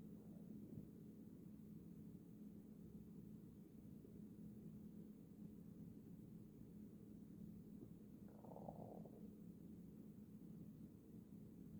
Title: Stomach growling to not make me sleep